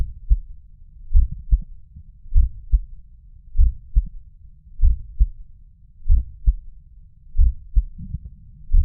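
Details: Low-pitched heartbeat about 48 per minute with a soft extra low thud after the second sound: a third heart sound (S3) heard at the mitral area (apex).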